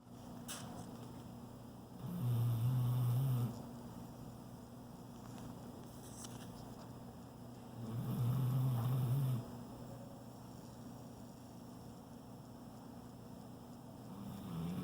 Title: My gooooog is snoring